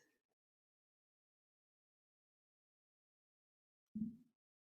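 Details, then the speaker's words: Adult's stomach gurgling, picked up by a microphone during relaxed Tai Chi practice: a single brief, low gurgling rumble in a quiet room; ordinary bowel sound. "what you may be able to hear with my microphone is the sound of my stomach gurgling that tells me that i'm now relaxed enough"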